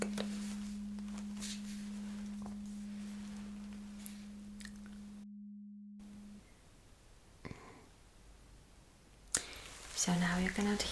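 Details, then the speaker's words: Simulated cranial nerve exam roleplay: a vibrating tuning fork is placed on the bone behind the ear to test bone conduction (Rinne test), giving a steady pure hum that fades out. "Now the tuning fork. So, I'm supposed to place this vibrating tuning fork right behind your ears."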